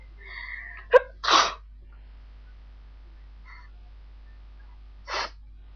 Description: lots of sneezing and some good noseblowing in there btw I have allergies such as pollen and dogs and cats :'(